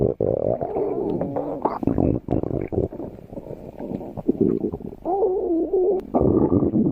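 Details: Stomach growling: gurgling, squeaky tonal rumbles that rise and fall in pitch with liquid bubbling and brief pauses, ordinary borborygmi.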